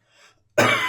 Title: Cough much dryer now.